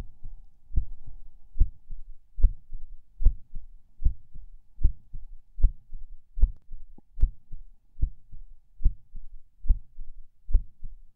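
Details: Person lying in bed falling asleep, feeling every beat and skip; steady heartbeat near 75 a minute, slightly uneven, with occasional soft skipped beats, unsure if PACs; distinct split S2 noted.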